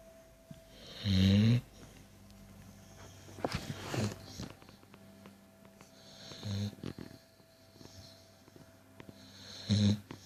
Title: Snoring dog